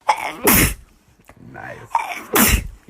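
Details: A person sneezing twice, each a quick in-breath followed by a sharp, explosive burst of air.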